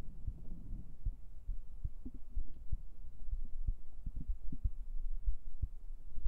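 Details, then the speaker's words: Regular low paired thumps, about 95 a minute, with faint room noise: a normal heartbeat picked up by a microphone placed on the chest. "yeah that's my real heartbeat I put it I put the mic on my chest"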